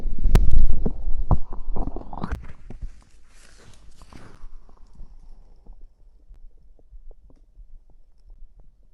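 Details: Stomach growling after drinking cider (fizzy drink): loud low gurgling and bubbling rumbles fading into scattered soft pops and clicks; active bowel sounds.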